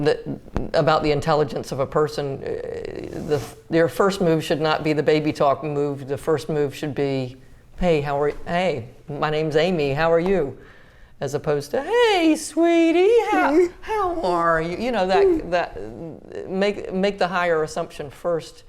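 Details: Adult woman speaking; normal speech.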